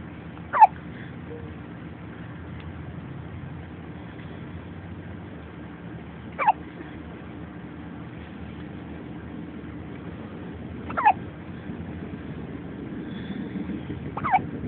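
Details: Baby boy: four brief, sharp hiccups spaced several seconds apart, about 16 a minute, over steady low background noise.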